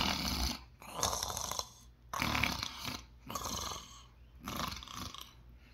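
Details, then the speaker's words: Heavyset 122 kg man recovering from propofol/ketamine procedural sedation: irregular harsh snoring as breathing resumes with partial upper-airway obstruction. "how do you know how he starts breathing again in the medicine has kind of partially worn off with the purple fall the snoring starts"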